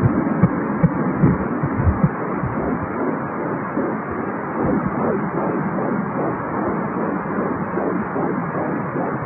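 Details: Fetal heartbeat at 14 weeks of pregnancy on a home ultrasound Doppler: rapid, regular, strong whooshing pulses about 150 a minute through hiss.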